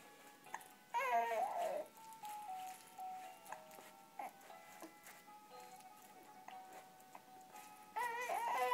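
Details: Infant with hiccups during play: short fussy cries at the start and end, with music playing throughout; brief infant crying.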